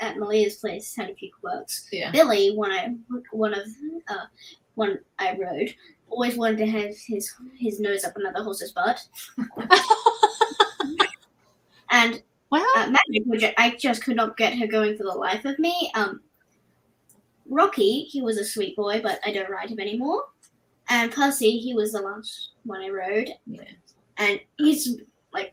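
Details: Cluttering in an adult woman, a mother of two, recently resurfaced and described as very fast speech with pauses in unusual spots; she also has autism, ADHD, dyspraxia and anxiety.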